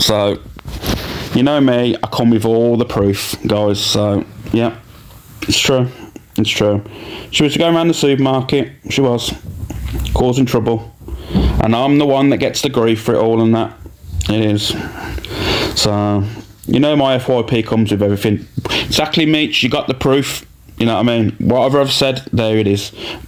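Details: Adult male speaker; normal speech.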